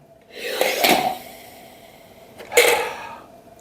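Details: Incentive spirometer inhalation before bariatric surgery, a pre-operative deep-breathing exercise to expand the lungs and reduce post-surgery pneumonia and atelectasis: two airy, hissing breaths through the device.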